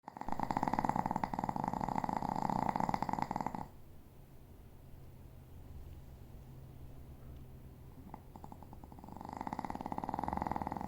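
Loud rattling breath sounds alternating with quieter pauses, a pet snoring in its sleep.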